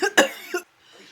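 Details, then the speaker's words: Adult woman coughing after tasting extreme hot sauce and nearly choking: three sharp, harsh coughs in quick succession, then quiet. "I had to pause that. Why? Because about choked. That stuff is stinking hot, guys."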